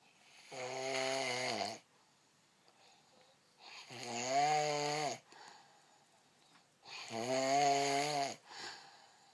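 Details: Three loud, buzzing, vibrating snores on the in-breath, about 19 a minute, separated by quiet breathing pauses; typical snoring.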